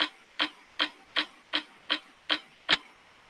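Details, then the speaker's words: Dull (mate) percussion note demonstrated in a veterinary respiratory lecture: eight short, flat, evenly spaced taps with no ringing, as over condensed lung parenchyma, e.g. atelectasis, tumours, pneumonia or hydrothorax. "generalmente hay una condensación del parénquima pulmonar y el sonido mate es un ruido opaco generado al percutir órganos macizos"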